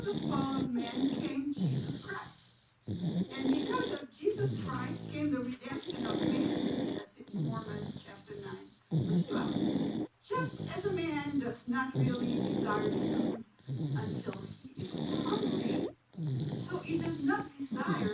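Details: Very young baby asleep in church snoring loudly: loud, rough, rattling breathing noises in repeated bursts with short pauses; snoring.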